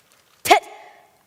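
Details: 11-year-old girl with Tourette syndrome, diagnosed 2013, who also has swearing tics: a single abrupt bark-like vocal tic, then a brief fading tone.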